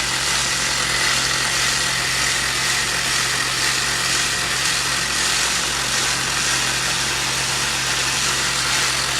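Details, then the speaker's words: Steady loud buzzing drone of a handheld muscle, tendon and ligament vibration stimulator applied to the sole of the left foot of a large male basketball player with plantar fasciitis, to relax the fascia and muscles. "patients usually love this what it does is it uses vibration to relax the muscle spindles and therefore relax all the fashion and the muscles here on the bottom of the foot"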